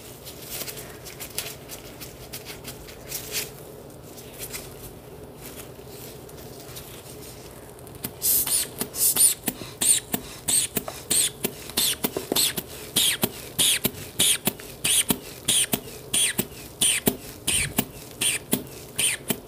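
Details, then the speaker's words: Simulated ASMR roleplay cranial nerve exam: the patient holds out an arm for a blood pressure check; soft rustling, then rapid rhythmic puffing squeezes of a hand bulb; blood pressure cuff inflation. "what I'm gonna do next is I'm gonna check your blood pressure so I'm gonna have you stick out your arm for me"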